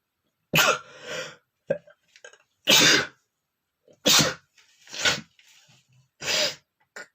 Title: sneezing male #9 (uncovered sneezing)